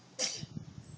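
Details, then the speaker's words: Sneeze, possibly after eating dirt; someone says "bless you" and suggests being allergic to dirt. "You're probably allergic to dirt. Yeah, eating dirt makes you sneeze."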